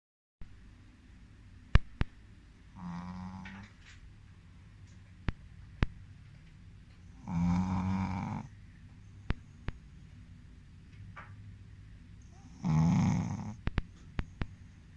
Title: Funny shihtzu snoring. Enjoying the life.